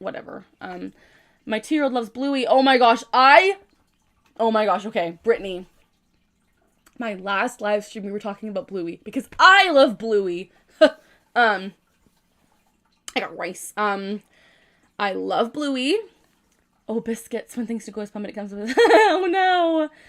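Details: Young woman with Tourette syndrome producing a phrase vocal tic mid-speech, followed right after by a dystonic neck tic; vocal tics (Tourette syndrome).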